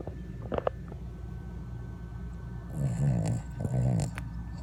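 Two low, rumbling, fluttering snores over steady room noise; snoring in a sleeping dog.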